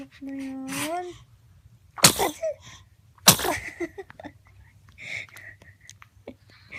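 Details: A father sneezing: a rising voiced wind-up, then two sharp explosive bursts of air, with brief voice sounds after: two sneezes.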